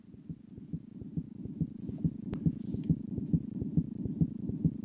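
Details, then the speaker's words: Heartbeat recorded for a music-therapy heartbeat project: rapid, steady paired heart thumps at about 136 beats a minute, normal infant heart sounds. "here's the patient's heartbeat sister's heartbeat mom's heartbeat dad's heartbeat then all four heartbeats overlapped"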